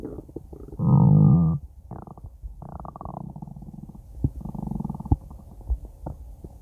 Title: Stomach Growls 7